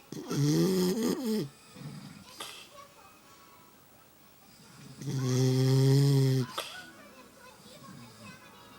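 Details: Dog snoring: two long, loud, rumbling snores on inhalation with quiet breathing between them.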